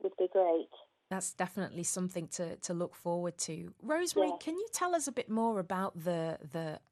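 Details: Adult woman, radio presenter; normal fluent speech.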